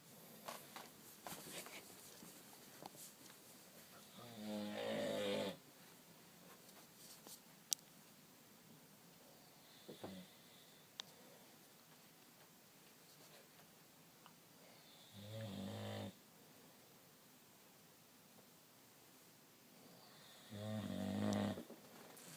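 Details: Adult man (dad) asleep giving three loud, low, rattling snores separated by quiet breathing pauses: snoring.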